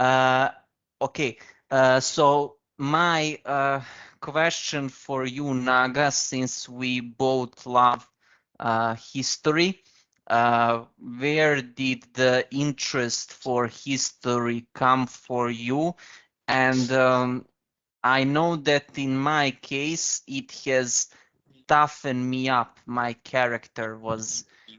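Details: Stuttering in an adult man from India who describes himself as a person who stammers.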